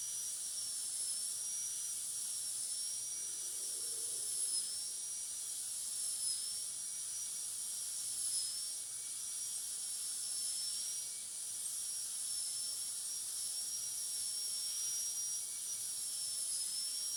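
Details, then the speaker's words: Steady high-pitched whine of a high-speed dental drill with slight wavering and water-spray hiss, flat tapered burr finishing proximal and other surfaces of tooth 46 to an even shoulder finish line, metal-ceramic crown preparation. "The next step is to finish the proximal surface and also the other areas of the tooth to a neat shoulder finish line which is even in all areas. For this we use a flattened tapering burr again."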